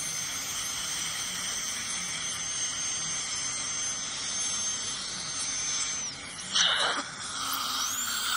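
Steady high-pitched whine of a dental scaler with suction hiss, briefly interrupted near the end; routine dental cleaning.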